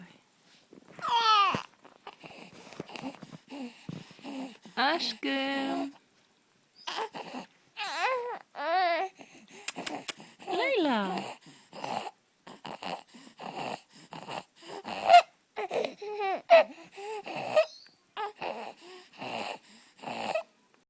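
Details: Leyla, 6-week-old infant with laryngomalacia: inspiratory stridor, high-pitched squeaky noises on breathing in while cooing and vocalizing.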